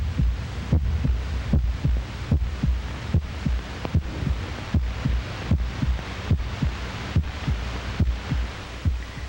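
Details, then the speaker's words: Normal heart sounds from a 1937 educational film: steady low double thumps at about 70–75 per minute over a background hum. The first sound is ventricular contraction, the second is exit valves closing; normal average adult at rest. "There is one heart sound as the ventricles contract and a second when they relax and the exit valves snap shut. This beat of about 70 per minute is normal for the average adult at rest."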